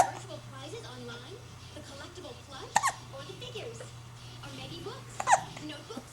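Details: Two sharp, abrupt hiccups about two and a half seconds apart, over background talk and music; hiccups.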